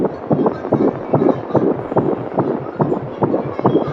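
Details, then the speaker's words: Fast, regular whooshing pulses near 140 a minute on a home baby-beat fetal Doppler, a normal fetal heartbeat; the Doppler can also pick up the mother's heartbeat, especially early in pregnancy. "you will hear many different sounds while using a baby beat Doppler it will pick up your heartbeat along with the babies"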